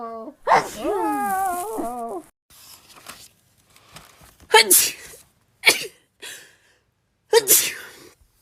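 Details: A short voiced exclamation, then three sudden explosive sneezes with quiet intakes between them, from a compilation of one person's rapid repeated sneezing.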